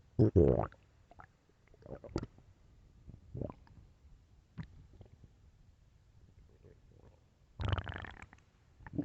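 Loud low gurgling and rumbling stomach growls with quieter bubbling between, ordinary bowel sounds.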